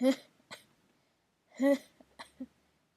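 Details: Morning sneezes: two sharp, voiced sneezes about a second and a half apart, each followed by a short breath and small throat sounds; ordinary sneezing.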